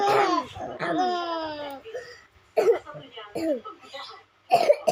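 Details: Older child coughing a few short coughs while a younger sister giggles and laughs at it.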